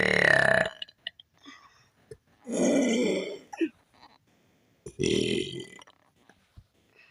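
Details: Person burping on command: three loud, drawn-out belches separated by short pauses and small throat noises; voluntary burping.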